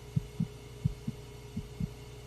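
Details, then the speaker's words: Fetal heartbeat on an ultrasound monitor in a dubbed TV drama (simulated): soft, regular low thumps over a faint hum; the doctor says the baby is fine. "Bizony, a szívverése. A babával minden a legnagyobb rendben."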